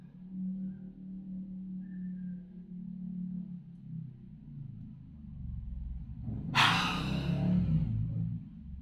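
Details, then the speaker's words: Cough-clearing breathing exercise of inhaling, holding 2 seconds, inhaling again, then pushing air out to bring up phlegm: low steady hum, then one sharp, forceful puff of air out through the mouth, a forced exhalation. "gitu ya tarik tahan 2 detik tarik lagi nah biasanya batuk tuh teman-teman saya langsung ada reaksi dahak keluar ketarik bisa dengar tadi begitu"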